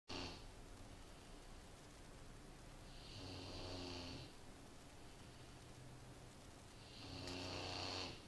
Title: great dane puppy snoring!